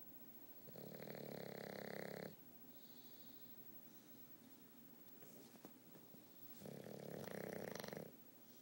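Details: Victorian bulldog napping, worn out after a bath: two long, buzzing, rattling snores several seconds apart with quiet room noise between: snoring.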